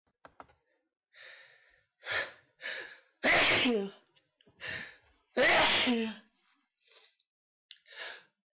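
Two loud explosive sneezes, each preceded by short breathy inhalations, with softer breaths and small sounds between them.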